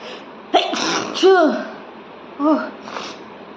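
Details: Several voiced, sneeze-like bursts over a steady background hiss; a woman deliberately provokes the sneezes with paper.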